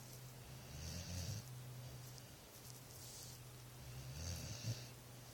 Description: My dog is asleep and snoring